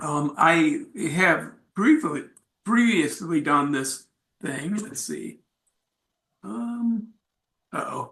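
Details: Aphasia in an adult male, acquired after a traumatic brain injury from a bike accident without a helmet and a month-long coma, about four and a half years post injury; ongoing aphasia.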